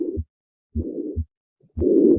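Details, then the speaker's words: Harvey cardiopulmonary simulator: a whooshing systolic murmur filling systole between beats that gets louder with inspiration and softer with expiration (inspiratory augmentation), a sign of right-sided origin. Tricuspid regurgitation murmur. "again it gets louder out it gets softer and louder so inspiratory augmentation this is tricuspid regurgitation that inspiratory change a sign that this is right-sided in origin"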